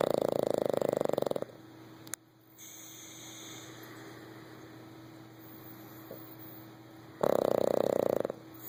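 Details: Boston Terrier sitting upright beside owner in a recliner, snoring loudly: two loud rattling snores separated by a quiet pause with faint room noise.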